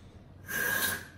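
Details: A short hissing rush of gas: one delivered breath from a palm-sized, time-cycled, pneumatically powered ventilator needing no electricity, running through a simple demonstration patient circuit with inspiratory and expiratory time controls.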